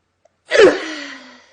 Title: Девушки чихают Pretty sneezing 5